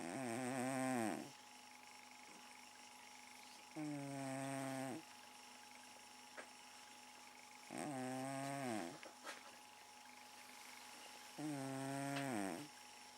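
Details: Garfield the cat, sleeping in the living room, snoring rhythmically with a buzzing, whistling tone, four snores in about 13 seconds, roughly 16 breaths a minute; often snores all night long.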